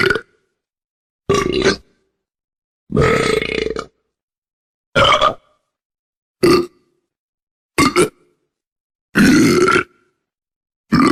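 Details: Repeated burping: eight separate belches over about eleven seconds, short and long, with guttural voiced tones and silence between them.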